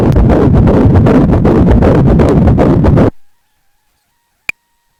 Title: 임신 16주 초음파-아기 심장소리 (ultrasound at 16weeks-fetal heartbeat)